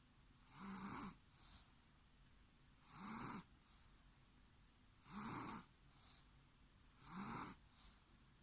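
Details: Regular rattling snores on each breath in, about 28 a minute, with softer breaths out between; ordinary snoring.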